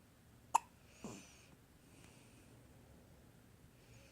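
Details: Hiccup in a 6-day-old newborn: a single sharp, brief click-like catch followed by a faint breathy sound in a quiet room.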